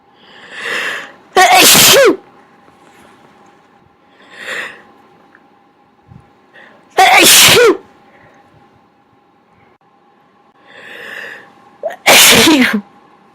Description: I've sneezed so much, my inducing method isn't working as well, but I still managed to get some out, and boy were they big!